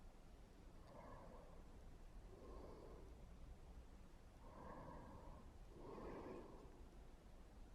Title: snoring